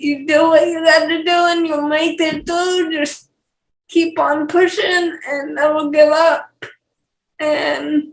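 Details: Speech impairment (dysarthria) in a 28-year-old woman with cerebral palsy.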